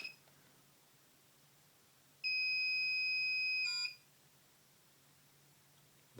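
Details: BodyGuard 320 ambulatory infusion pump used for a patient at home, switched on by pressing its on/off button: a single steady high-pitched beep lasting under two seconds in a quiet room, the pump's power-on tone.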